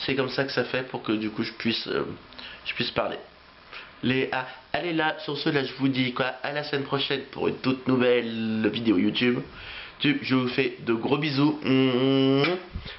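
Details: Adult male French speaker who has stuttered since age three, with repetitions of words and phrases; stuttering.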